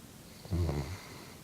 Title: Brigley snoring (My Chocolate Labrador).wmv